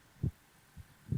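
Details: Adult man's heartbeat heard with the listener's head lying on his chest in bed, roleplay recording: low, muffled thumps at a steady, unhurried pace, about 70 a minute; normal heartbeat.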